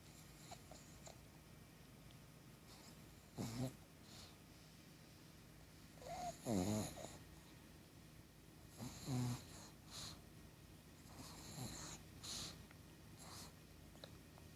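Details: Sleeping 7-year-old pug snoring: irregular snorting snores about every three seconds, some with a whistling edge, over a steady room hum.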